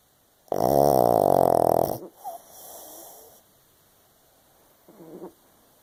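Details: Tired, sleeping 7-year-old pug: one loud, rattling snore on the in-breath, then quieter breathing noise; snoring.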